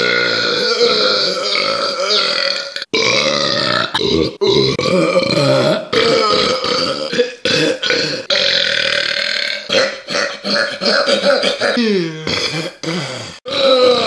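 Loud, sustained voiced belches, one after another with brief breaks; prolonged repeated burping.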